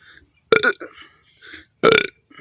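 Two short, voiced belches about a second apart, with faint voices in the background; burping.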